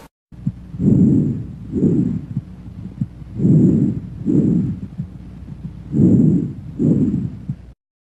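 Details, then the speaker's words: Soft, medium-pitched breathing of moderate intensity, inspiration and expiration similar in length and loudness, heard between the scapulae and beside the sternum at the first–second intercostal spaces: normal bronchovesicular breath sounds. "Murmullo broncovesicular. Sonido de intensidad moderada y tono medio. Se localiza entre las escápulas y por fuera del esternón, entre el primer y segundo espacio intercostal."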